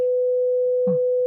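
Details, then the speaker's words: Simulated 500 Hz tinnitus: a steady mid-pitched pure tone, slightly higher than a 200 Hz tone, with a brief faint voice in the background. The speaker sometimes wakes to 500 Hz tinnitus in the morning. "소리 저는 아침에 가끔이 500hz 정도의 명으로 잠을 깨곤 하는데요 그럴 때 빨리이 소리가 들리면 어 빨리 그냥 일어나 버리고 활동을 시작을 합니다"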